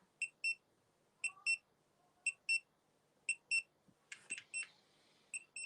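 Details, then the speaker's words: Paired high-pitched beeps repeating about once a second from a pulse oximeter alarm in a patient with cancer, saturation reading 89%. "Right, I've got the fear. We don't want to hear any beeping, right? Beeping."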